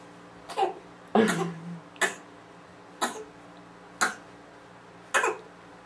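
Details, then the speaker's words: Baby's voluntary fake cough while kicking and bouncing a chair: six short, evenly spaced single coughs about a second apart, one ending in a brief voiced sound. "There's that fake cough."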